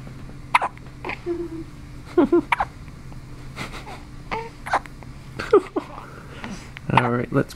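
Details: Small, abrupt catches of breath repeating about every second over a steady background hum, from a newborn boy on the night of his birth; his first hiccups.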